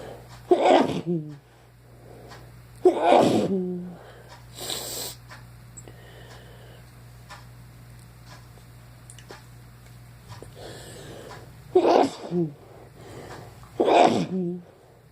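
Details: Sneezing: four loud sneezes, each with sharp inhale and explosive release, plus a shorter burst between, over low room hum.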